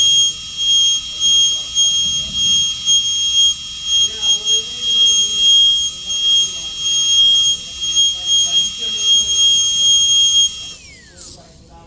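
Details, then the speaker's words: High-speed dental drill with 330 bur (0.6 mm) on a mandibular second premolar, Class II MO amalgam cavity preparation, extending for 0.5 mm proximal clearance: steady high-pitched whine with faint pulsing, winding down at the end. "And then since 0.5 clearance needs to be extended about this much, so I'm going to place the burr slightly."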